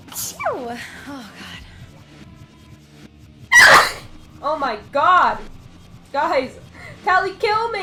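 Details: One loud explosive sneeze with a sharp intake of breath before it, amid talk and brief vocal sounds and faint background music, from a sneeze compilation.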